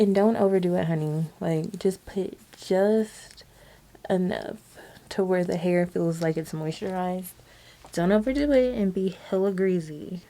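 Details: Woman with a temporary lisp from wearing retainers; lisp.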